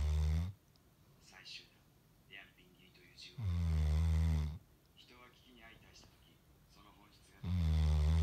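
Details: A sleeping Golden Retriever snoring: loud, deep, rumbling snores about every four seconds, roughly 15 breaths a minute, with quiet breathy exhales between.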